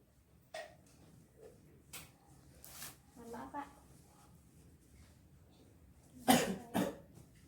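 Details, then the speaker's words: Simulated nursing demonstration, 30-year-old male patient: deep breaths in through nose, held, out slowly, then two strong deliberate coughs, effective cough technique to clear secretions and sputum. "ya kalau bapak ini melakukan batuk efektif bisa dilakukan dengan teknik sport itu tadi"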